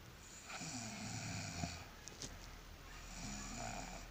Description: I do not know, but my snoring is very strange to me.